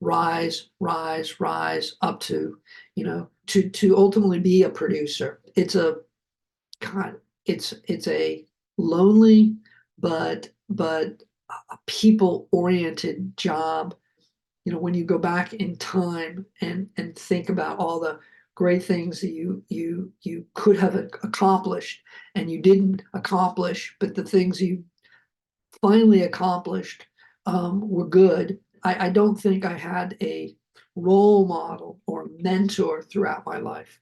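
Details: Adult male Hollywood producer who survived a heart attack and aphasia, speaking in an interview. Finding: aphasia.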